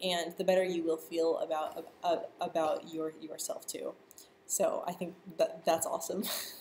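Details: Stuttering in a person who stutters, speaking live and answering viewer questions; stuttering.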